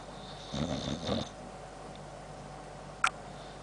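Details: Boxer dog with large jowls snoring while asleep, filmed close up: a rough, rattling snore under a second, a quiet pause, then a sharp mouth click from chops clicking.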